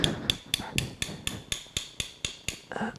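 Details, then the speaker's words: Arthroscopic right knee surgery, surgical mallet driving a tool into bone to harvest an 8 mm plug; sharp regular metallic taps, about four per second. "We're going to try to take that from your knee. You'll hear us tapping. We go into the knee"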